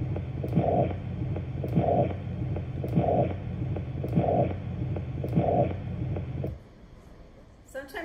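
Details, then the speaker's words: Human heart: regular heartbeat near 50 a minute, each beat followed by a whooshing murmur of blood flowing back through a defective valve that does not close completely. Finding: valvular regurgitation murmur. "in some occasions the valves will not close completely allowing blood to flow back in this case we call it regurgitation let's hear a sound of a regurgitation through a defective"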